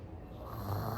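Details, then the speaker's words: Acted imitation of loud snoring in a comic family skit about the mother snoring: a low, rough, rattling snore building over about a second. "ಆಯ್ತು ಬಿಡು ಗೊರಕೆ ತಾನೆ ಮಾಡೋದು ಇನ್ನೇನು ಮಾಡಲ್ಲ"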